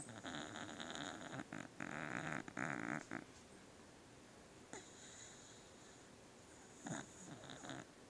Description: My dogs snore. I caught our beagle snoring.